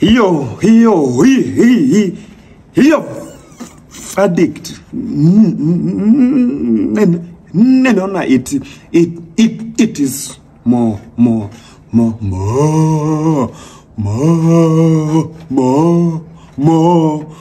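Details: Acted stammering by a performer in a comedy skit, not a real disorder; stuttering (acted).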